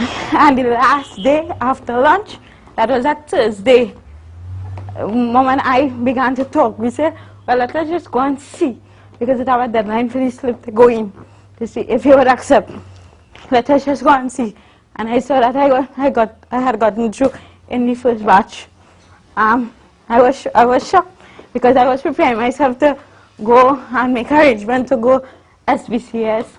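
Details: Adult woman, university student, with congenital cerebral palsy involving spasticity (stiff muscles) and athetosis (uncontrollable movements); dysarthria in cerebral palsy.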